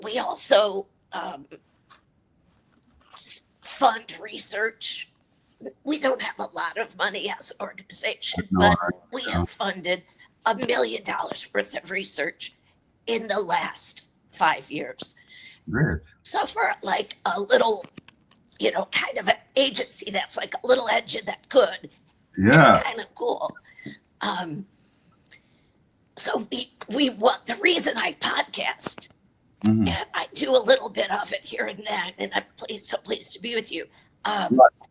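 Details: Dysphonia in an adult woman with a chronic voice disorder.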